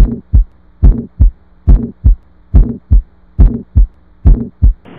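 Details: Stethoscope heart sounds: a regular heartbeat near 70 a minute with a soft blowing sound after the first heart sound, a benign (innocent) heart murmur.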